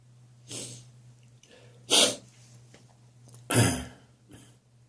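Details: Adult recurrent morning catarrhal cough, regular again, with history of chest infections: three forceful productive coughs with fainter throaty mucus sounds between them.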